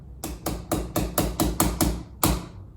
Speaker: you can see as i'm tapping this anchor down it's actually really tightening the tendon down to the bone